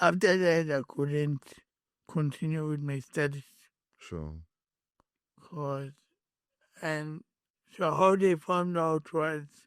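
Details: Adult man born with cerebral palsy, whose head injury from a car accident in June 2000 affected his speech, walking and left-ear hearing: acquired speech impairment (dysarthria).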